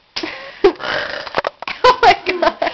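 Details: Deliberate, loud, croaking voiced burps running together in a series in a small room; the burper says they are famous for loud ones. Burping.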